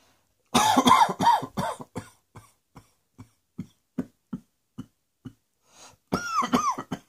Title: Cross Dressing Coughing 61